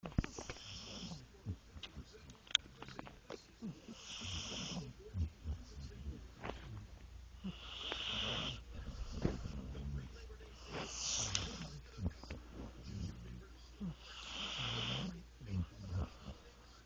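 Soft, irregular snuffling snores with wheezy whistling breaths from a sleeping pet; ordinary animal snoring.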